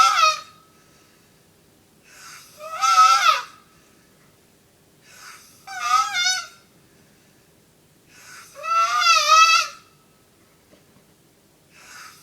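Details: Sleeping person heard at 5 am: rhythmic noisy breaths about 20 a minute, each with a high whistling, wavering tone; tonal, wheeze-like snoring.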